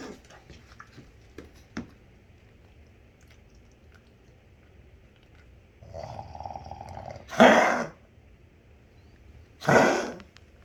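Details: A dog gives two harsh, forceful coughs, the first preceded by a low throaty rumble, in a quiet room; cough.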